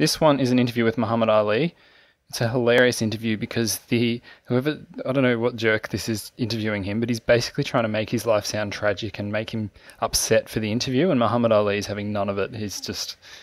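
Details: Adult male narrator; normal speech.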